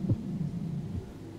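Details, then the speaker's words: Simulated VR patient, stethoscope on chest: markedly slow heart tones, bradycardia. "what's the first thing you notice about listening to this heart tone that is slow af my friend"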